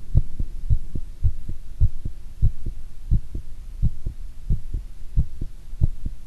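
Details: Heart sounds recorded while squatting; clear, regular paired sounds about 90 a minute, slowing suddenly near the end on leaning forward: heart rate change with posture.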